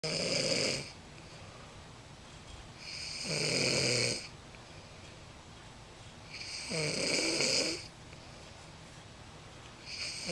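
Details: Person snoring while asleep: loud, rough snores repeating steadily on each breath, about 18 a minute, with quiet gaps between them; ordinary snoring.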